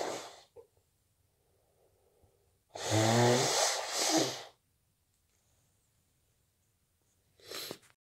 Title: stuffy cold sneezes and blows